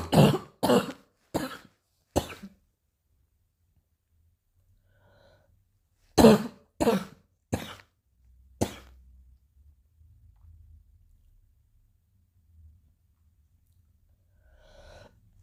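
Two short bouts of about four dry coughs each, separated by quiet pauses.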